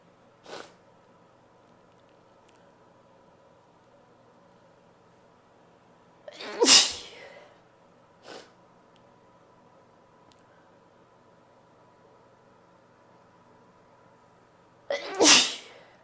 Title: Attempted Spray sneezes (F)